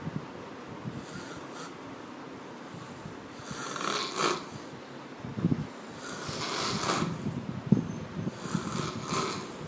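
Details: Very heavy snoring during deep sleep: loud rasping snores with snorting catches, recurring every couple of seconds over a noisy background.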